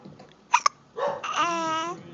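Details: Hiccups with giggles: two sharp, quick voiced catches, then a giggle and a sustained happy vocal sound.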